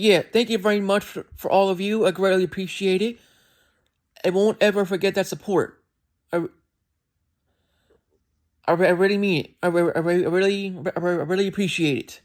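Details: Adult male with a self-described speech impediment, which can make his speech sound like he is skipping words; stuttering with word repetitions.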